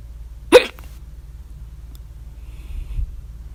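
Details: Hiccups at 3:04 A.M. after overeating at dinner, mouth closed or open (very loud ones with mouth open): a single loud, abrupt hiccup followed by quiet breathing against a low room hum; hiccup.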